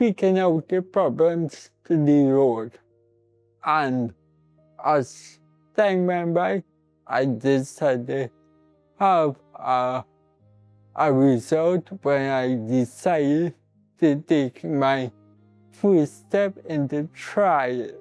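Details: Adult man born with cerebral palsy, who his mother says may fumble a little when talking; dysarthric speech in cerebral palsy.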